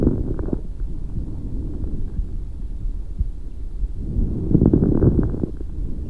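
Muffled chest breath sounds with bursts of brief popping crackles toward the end of each inspiration.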